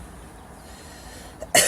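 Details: Woman's first time smoking a Black & Mild cigar: quiet room, then a single sudden harsh cough from the inhaled smoke, which she says is making her voice deeper; cough from smoke inhalation.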